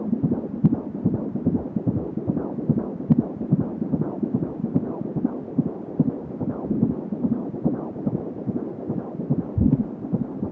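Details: Fetal heart sounds at 16 weeks of pregnancy: rapid, swishing galloping pulses, about 145 per minute, over a steady hiss; normal fetal heart rate.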